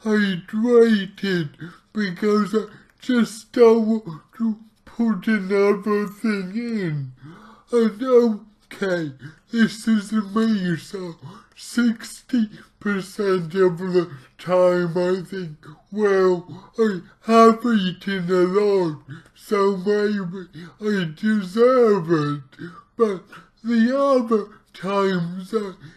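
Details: Man with cerebral palsy, trying a keto diet to see whether it affects his CP; real speech, heavily distorted; dysarthria (cerebral palsy).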